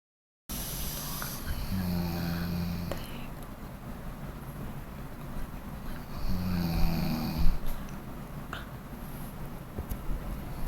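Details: Person snoring during sleep: two deep, low, buzzing snores about four seconds apart over steady background noise with occasional clicks.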